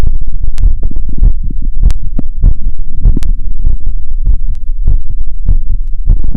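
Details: Fast, regular heartbeat with loud thumps at about 150 bpm after a 2 km run, heard through a wired stethoscope over the pulmonic, aortic, Erb's, tricuspid and mitral points; exercise tachycardia.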